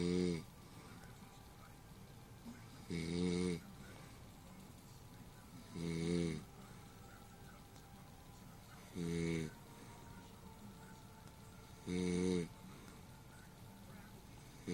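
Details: Woman snoring while asleep: regular low, buzzing snores on each breath, about 20 a minute, over faint room noise.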